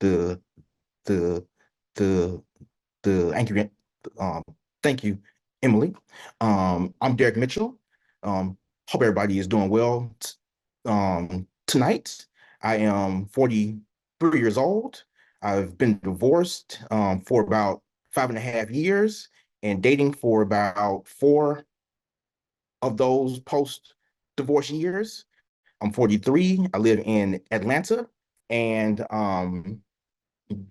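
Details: Stuttering in a 43-year-old man who stutters, introducing himself; stuttering.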